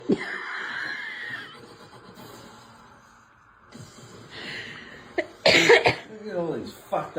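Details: Cat trying to cough up a hairball stuck in the back of its throat: harsh, wheezy hacking and gagging bursts, hairball cough and retching.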